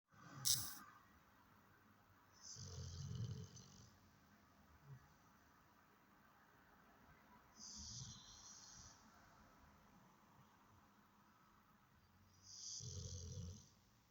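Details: Soft, slow snoring breaths about every five seconds, each with a low rumble and a faint hissing whistle, in a quiet room.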